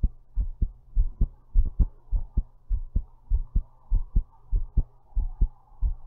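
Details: Own heartbeat recorded while lying down, described as thumpy: strong thumping at about 100 a minute, each beat a deep low thud, with a faint steady hum behind.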